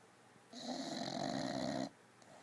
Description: Leidy the bulldog on her new corda-Roy bean bag bed snoring like a baby